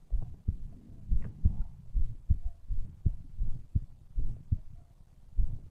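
Regular low heartbeats, about 75 a minute, with faint background rustle.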